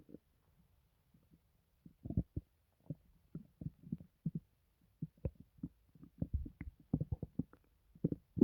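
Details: Person, recently hospitalized for an unstated reason, reports no pain and feeling fine: irregular low gurgles and rumbles with short bubbling bursts, loud stomach growling; normal bowel sounds (borborygmi).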